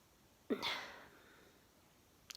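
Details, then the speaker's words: Single sharp sneeze after the person felt it coming on with a butterfly feeling in the stomach: quick intake, then an explosive burst of air fading over about half a second in a quiet room. "maybe if i stop talking i will sneeze i've got the butterfly filling in the stomach again that sneezes coming on"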